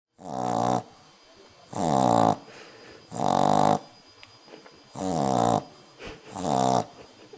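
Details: Female French Bulldog snoring on her first night home.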